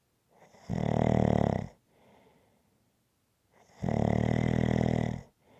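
Loud, buzzing snores on each in-breath, about 19 breaths a minute, with a soft breathy out-breath after each; rhythmic sleep snoring.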